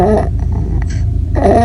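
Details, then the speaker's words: Infant with laryngomalacia: noisy, fluttering, low-pitched breathing with harsh inspiratory stridor. "esta sería una tipo dos una tipo dos porque hay colapso de los aritenoides y hay una malformación de la epiglotis todo esto se colapsa;"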